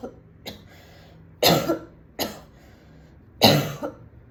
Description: I went to a party wearing a beautiful red dress and smoked a cigarette with my friends. When I got home, I was coughing like this.